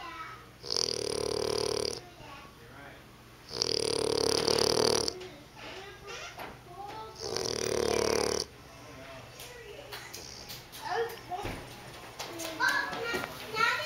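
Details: Bulldog snoring while asleep: long, loud, rattling snores over three clear cycles, then softer snuffling with muffled household noise in the background.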